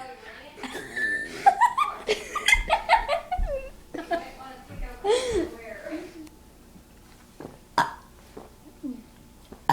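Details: Repeated loud, drawn-out voluntary burps from two cousins doing burps on purpose, mixed with laughter and chatter; belching.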